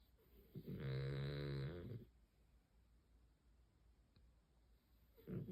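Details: Beagle dog snoring very loudly in sleep: a loud, low, rattling snore on the breath in, then quiet, then another snore starting.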